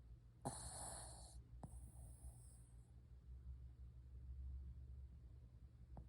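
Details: Bruno snoring.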